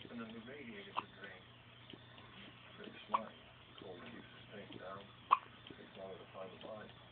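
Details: Baby girl who seems scared of her hiccups: three sharp hiccups about two seconds apart, with soft baby fussing and babbling between them.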